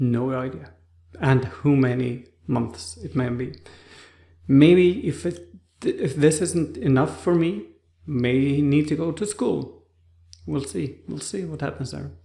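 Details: Adult man with aphasia after a stroke, currently in rehabilitation; on waking after the stroke his speech was like a two-year-old's; aphasia.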